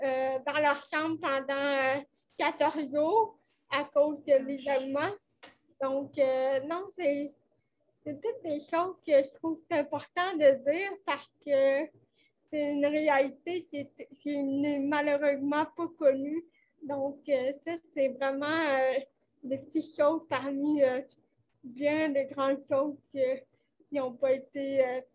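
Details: 29-year-old woman with cerebral palsy caused by lack of oxygen at birth, speaking French in an interview; she appears to mention speech difficulties; finding: dysarthria associated with cerebral palsy.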